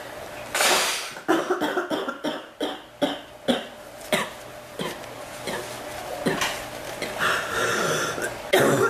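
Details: Woman whose cough hurts her back more than her chest, waxing and waning, feeling drier and letting up tonight: a run of repeated harsh coughs with throat clearing, several close bursts in a small room; cough.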